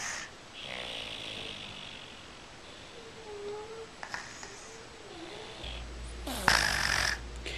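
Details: Girl snoring in sleep before being woken in the morning: soft, raspy breathing noises with a faint hum and room noise, then a sudden loud rustle.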